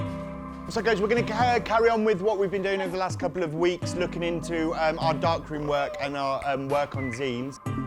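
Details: Adult speaker; Normal fluent speech.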